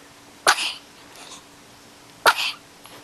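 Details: Eight-day-old newborn girl: two small, sharp sneezes about two seconds apart in a quiet room, ordinary infant sneezing.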